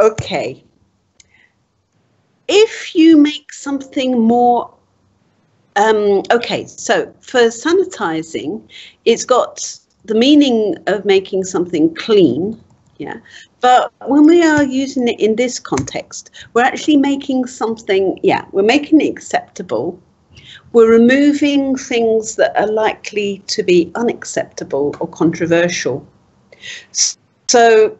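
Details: Adult woman speaking; typical speech.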